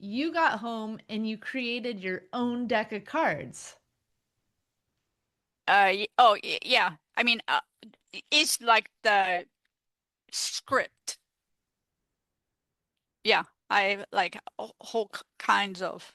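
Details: Real adult woman, a stroke survivor living with post-stroke aphasia, speaking in an interview; aphasia.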